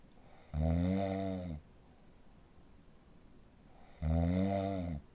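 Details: Snoring of a patient with sleep apnea syndrome: two loud, deep, rumbling snores about 3.5 seconds apart, with steady room hiss between.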